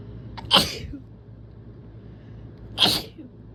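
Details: Sick person's induced sneezes: two forceful sneezes about two seconds apart, each a sharp burst of noisy air, with a quiet hum in the background.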